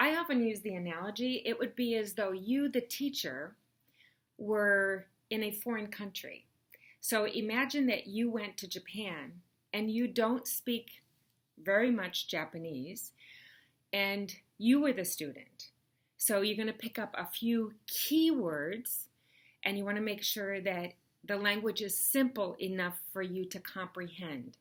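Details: Adult woman speaking; no speech disorder.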